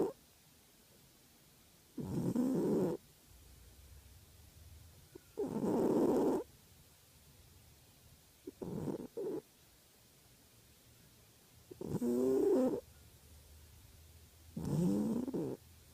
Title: My cat Pinky, snoring the afternoon away.